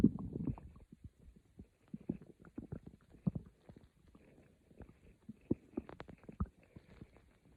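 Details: Soft, irregular gurgles and low rumbles from the belly, recorded as quiet growls for sleep; normal stomach growling (borborygmi).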